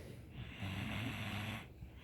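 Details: Single low, fluttering snore of about one second amid room noise during a Christmas Eve 2019 sermon; ordinary snoring in sleep.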